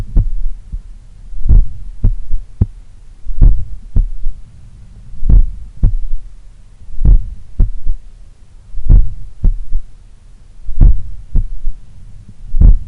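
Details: Slow, strong heartbeat, about 60 a minute, recorded at the apex in the morning lying on the left side; soft low thud after the second sound: third heart sound (S3).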